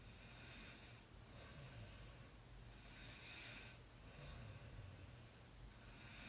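Soft, rhythmic, snorting breaths, about 21 a minute, over steady background hiss. Light snoring.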